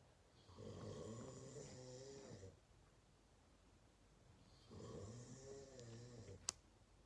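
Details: Dad's snoring during sleep, heard every night: two long, loud, rattling snores like an engine, about four seconds apart with quiet pauses between; heavy snoring.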